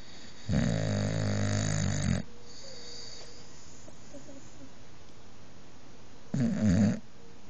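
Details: Halo, a boxer dog lying on the bed, snores very loudly: snoring.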